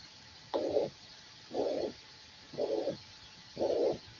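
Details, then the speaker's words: Mitral regurgitation: a regular blowing systolic murmur about once a second, played as a teaching example and contrasted with mitral stenosis. "Un soplo sistólico hermoso, ¿no? diferente a la estenosis, ¿no?"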